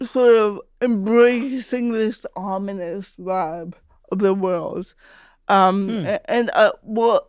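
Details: Real speech of an adult woman, a stand-up comedian who grew up with cerebral palsy; dysarthria (cerebral palsy).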